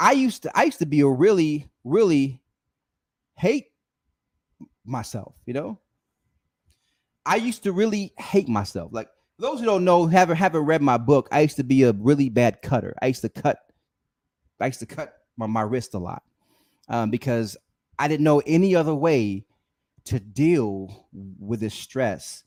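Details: Adult male host with a self-described speech impediment, stuttering during an unedited live stream; stuttering.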